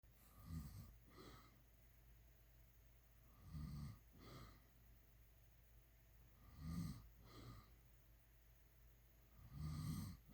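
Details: Low rumbling snores during sleep, each with a softer second part, repeating about every three seconds: ordinary snoring.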